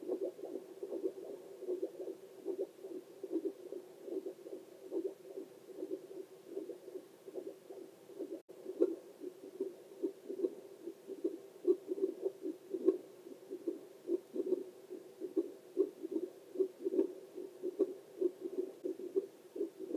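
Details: Adult heartbeat recorded on oneself with a handheld Doppler for ASMR relaxation: rhythmic whooshing pulses, a normal heartbeat.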